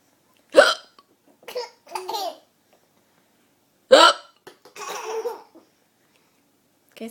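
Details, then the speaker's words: Two sharp, sudden vocal catches about three seconds apart, each followed by a short giggly voiced sound; hiccups. "does mr pinky have the hiccups oh"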